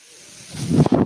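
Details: A soft hiss builds into a low, pulsing whoosh of pushed air as the speaker's own ventilator delivers a breath during their podcast: a mechanical ventilator breath cycle.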